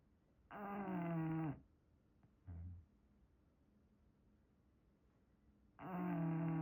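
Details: English Bulldog snoring while asleep in a blanket: long, low, rumbling snores with a buzzing, fluttery tone and pauses between them.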